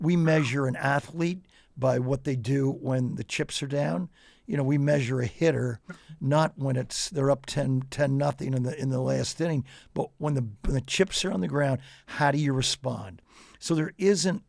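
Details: Adult male speaker; normal speech.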